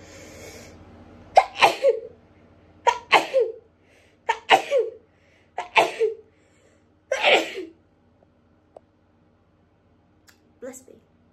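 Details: Person with autumn allergies, having an allergic reaction, after massive build-ups: five rapid stifled sneezes, each a quick intake and muffled burst, about every one and a half seconds, in a quiet room.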